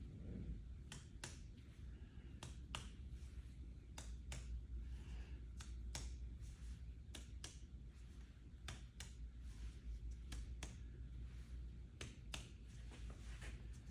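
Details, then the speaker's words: A nurse percusses across the back, moving laterally between the shoulder blades, with the patient standing; paired sharp finger taps give hollow resonant notes with no dullness; normal resonant chest percussion. "listening okay sounds good I do not hear any dullness okay"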